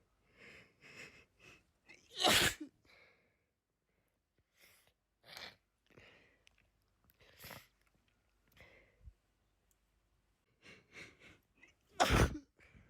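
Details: Repeated sneezing after being outside all day: quick gasping build-up inhalations, then two forceful sneezes with breathy catches and sniffs between them.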